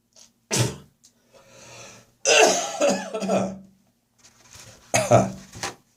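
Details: Heavy morning coughing session in autumn with spitting: three harsh coughing bursts, the middle a prolonged hacking, throat-clearing run with a retching quality; productive cough.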